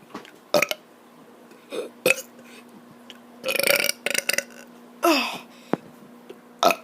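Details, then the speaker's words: A child making a series of loud, throaty, deliberate burps, about five in seven seconds, with short pauses, recorded on an iPad after running a lot; voluntary belching. "guys um i'm going to be doing burps today"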